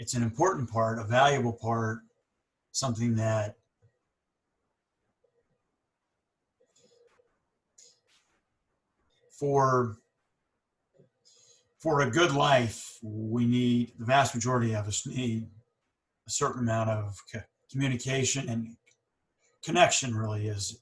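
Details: Person who stutters, with pauses and word repetitions; stuttering.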